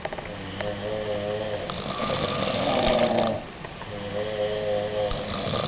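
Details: Several young women on holiday snoring in sleep after a night at a nightclub and drinking alcohol: two long, rattling inspiratory snores with a softer pause between, over steady room noise.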